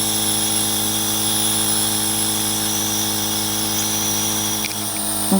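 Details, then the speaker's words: Steady mechanical hum with constant hiss from a homemade nebulizer chamber delivering antibiotic mist to a pet rabbit with chronic sinus bacterial infection and breathing problems, during a roughly 15-minute treatment. "okay so that chamber is filling up with the mist and she's going to breathe it in"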